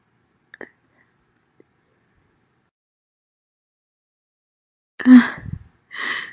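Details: Loud sneezing from a female: after near silence, a sharp explosive burst followed by a shorter breathy one.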